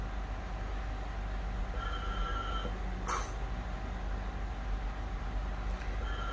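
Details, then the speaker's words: Oxymag mechanical ventilator on oxygen cylinder, FiO2 100%, volume-controlled settings: tidal volume 500 ml, rate 14, I:E 1:2, PEEP 5, consuming about 7–8 L/min oxygen; ventilator cycling sounds. Mechanical ventilator cycling. "this is the oxygen cylinder we have connected so it is maintaining around between seven to eight liters per minute to deliver 500 ml tidal volume"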